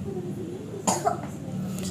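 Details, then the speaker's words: Single short cough from a child with flu, persistent nonstop cough, watery and swollen eyes, and a runny, thin, clear-white nose; steady room noise behind. "kasihan batuk terus gak berhenti-berhenti terus matanya itu berair"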